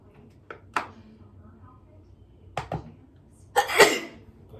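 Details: Ordinary sneeze: a quiet room with small breathy catches, then one forceful sneeze burst near the end.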